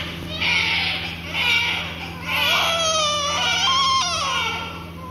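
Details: Newborn about 15 minutes old crying: loud, high-pitched, rhythmic bursts of crying in a small room, a strong vigorous cry.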